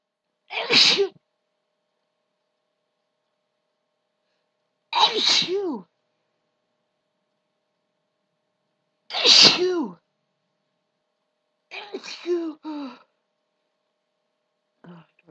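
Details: Five loud voiced sneezes a few seconds apart, the last partly held back; a run of repeated sneezing.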